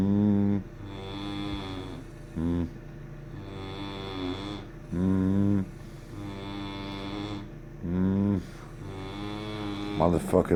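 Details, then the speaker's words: Adult man sleeping, snoring: loud, droning, buzzing snores recurring every two to three seconds, about 20 a minute, over a steady hum. "Shit sound like Bambi got caught in a fence."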